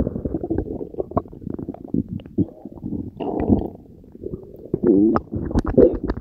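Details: Frequent low gurgles, pops and rumbling squeaks of active, normal bowel sounds recorded from one's own belly after consuming Diet Coke and Mentos, for ASMR.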